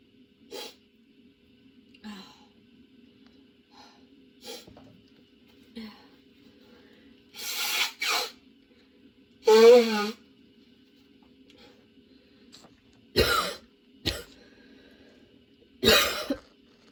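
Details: Sudden-onset prolonged coughing fit: repeated coughs with strained gasping breaths and a brief whimper; nonstop, worsening, bringing tears, patient changing positions for comfort; lungs having a tough time.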